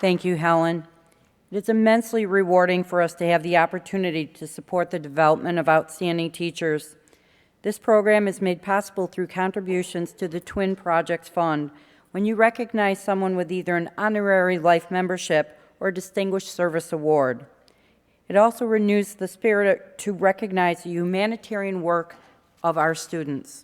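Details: Adult woman speaking; normal speech.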